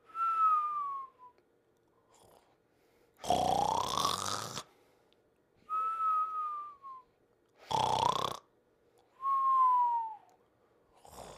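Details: Snoring during sleep: alternating high whistling breaths and rough, buzzy snores in a slow rhythm, with whistling nasal airflow, in a quiet room.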